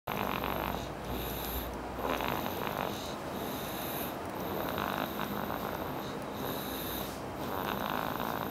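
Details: Boy snoring as noisily as his father: loud, rough snoring with repeated noisy breaths every two to three seconds over a steady background hum.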